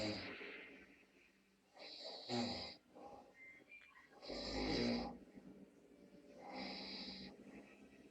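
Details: Drunk person sleeping in a toilet: rough, rattling inspiratory snores, about three in eight seconds, with quiet gaps between; loud snoring.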